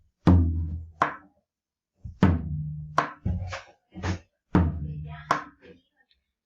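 Drum imitation of heartbeats: a firm first beat followed by a softer, muffled second beat, mimicking a diminished S2.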